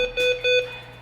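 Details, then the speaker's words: Two clear, high electronic alarm tones from an anesthesia monitor at a veterinary dental cleaning (dog or cat under general anesthesia), possibly signalling no patient hooked up; anesthesia monitor alarm. "I know it beeps a lot so I didn't want to turn it on right away but it's it's going to tell us exactly how the patient's doing"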